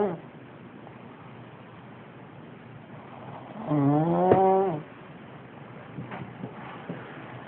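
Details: A man snoring, with music in the background.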